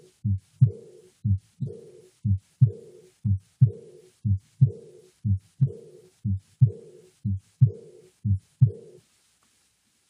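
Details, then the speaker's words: Regular heartbeat at 60 per minute with a soft, blowing diastolic murmur between S2 and S1, fading after the second sound; aortic regurgitation murmur. "I'll play an example of it for you now and once again try to just recognize that the murmur is occurring during the longer phase of diast between S2 and S1 not between the shorter phase of syy between S1 and S2"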